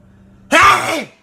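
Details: An adult forces a sneeze by stimulating the nostril, with eyes watering; sneeze.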